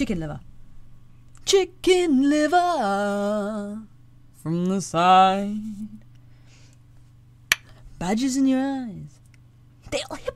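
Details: Woman with Tourette syndrome and echolalia, mimicking sounds from her environment, in genuine outtakes from a voice-over recording session; vocal tics.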